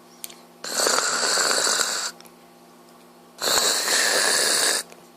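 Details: Adult man (father) snoring while asleep: two long, harsh, rasping snores about three seconds apart, separated by quiet pauses with a faint steady hum.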